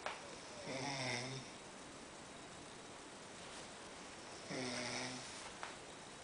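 Two loud, rough, buzzing snores about four seconds apart with quiet pauses between; ordinary snoring.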